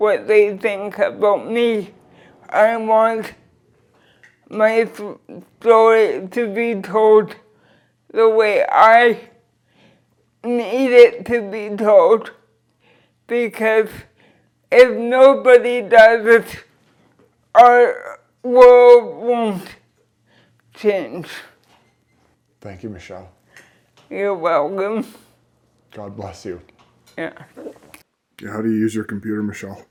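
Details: Dysarthria in a 46-year-old woman with cerebral palsy since birth who uses a wheelchair; finding: dysarthria (cerebral palsy).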